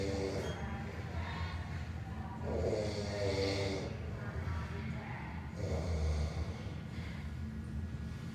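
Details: Man asleep on a toilet in a store restroom: low, rattling snores recurring roughly every three seconds in an echoey room with steady background hum.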